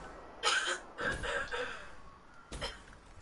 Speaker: what is that what is that noise like somebody's choking or something it's my mom coughing